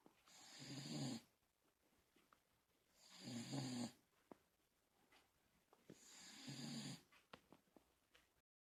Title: 58 seconds of Sweety snoring